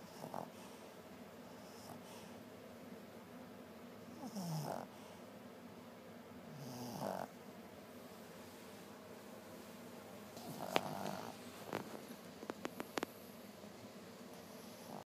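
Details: Soft snorting snores every few seconds over a quiet background, with a few sharp clicks near the end, while someone complains they cannot sleep with it going on: snoring.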